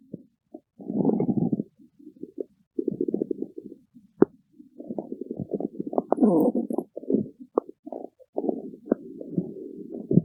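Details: A person's stomach growling: loud gurgling, rumbling bursts with bubbling pops and squeaks in irregular runs; ordinary borborygmi.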